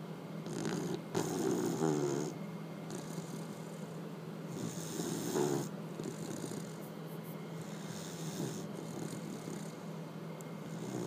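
Repeated low, fluttering snores, roughly three over eleven seconds with quieter breaths between; snoring in a sleeping puppy.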